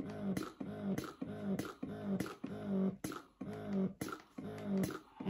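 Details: Lansinoh Signature Pro double electric breast pump running during an unboxing test: rhythmic cycling pump sound, about one suction cycle a second, with a rising tone and a click at each release.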